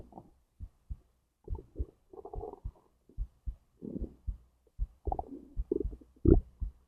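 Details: Digestion recording from stomach to intestines, heartbeat also captured: irregular low gurgles and rumbles in bursts; ordinary bowel sounds of digestion.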